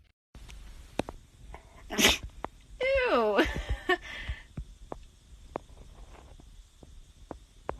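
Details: Dog sneeze: a sharp nasal burst with people's voices around it.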